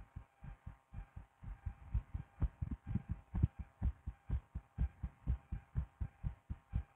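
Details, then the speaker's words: Steady low thumps in clear pairs at about 125 beats a minute, faint room hum, adult woman's own heartbeat via stethoscope; rapid but regular heartbeat. "No, but anyway, let's listen to my cute little fluttering heart that you love so much."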